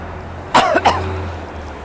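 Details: Two short, sharp coughs in quick succession over a steady low background hum; an adult who says the cough comes from the lungs and occurs when walking fast to cough things up.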